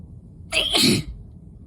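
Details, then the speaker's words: A single forceful adult sneeze, sharp hissing burst dropping into a brief voiced exhale, during a sneezing fit triggered by heavy dust while sick; sneeze. "oh I feel more that definitely feels like I'm gonna sneeze again like that and again oh and again"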